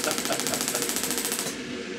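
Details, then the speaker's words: Shockwave therapy on a chiropractor's shoulder (lateral deltoid insertion into the humerus) for wear and tear from years of lifting, about halfway through a typical 2,000-pulse treatment: rapid, regular sharp clicks, roughly ten to twelve a second, then stopping. "okay guys so that's about halfway through a treatment typically we're going to do about 2,000 pulses"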